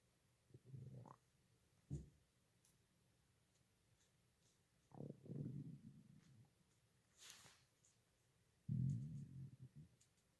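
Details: Stomach growling: low, irregular gurgling rumbles with a few rising squeaks.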